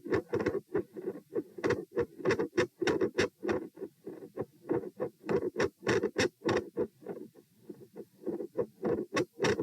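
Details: Phasic S1 and S2 intensity changes with split S2, recorded at position P while sitting, standing, then sitting (96-108-96 bpm): rapid heart sounds near 100 a minute whose loudness waxes and wanes.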